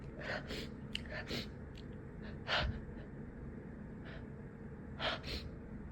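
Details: Repeated holdback sneezes with apologies in between: several short, hissing, partly stifled sneezes with sharp intakes of breath between them against room noise; sneezing.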